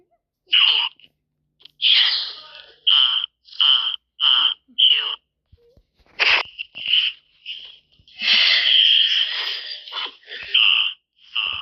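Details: Simulated cartoon sneezing from the animated show Numberblocks: a rapid series of short, high-pitched acted "achoo" sneeze sounds in quick succession; imitated sneezing, not real.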